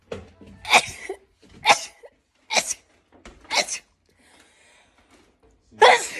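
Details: Five short, rapid sneezes about a second apart, each a sharp breathy burst, from a compilation of one person's rapid repeated sneezing.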